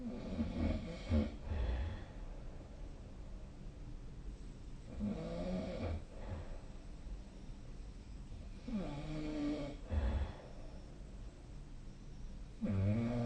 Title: 🐽 いびきの音 / Snoring Sleep Sound 2025/05/21